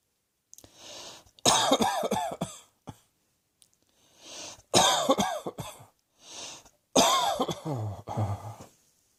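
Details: Three bouts of harsh, repeated coughing, each a run of several quick coughs with gasping breaths between.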